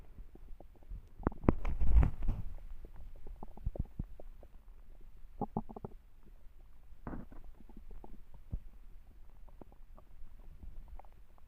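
Low gurgles and bubbling rumbles with a louder growl near the start; normal bowel sounds of a hungry stomach.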